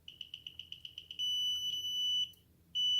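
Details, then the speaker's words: Apomorphine infusion pump stopped by a long press on the red OFF button, displaying STOP: a run of quick high beeps, then a steady high tone that briefly drops out and resumes, silenced by pressing the white button. "Un signal sonore est émis. Pour arrêter le signal sonore, vous appuyez une fois sur le bouton blanc."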